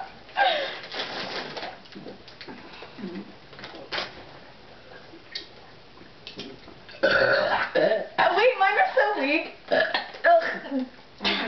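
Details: Deliberate burping in a burping contest between two women: several long, loud, croaking belches in a row with talk between them.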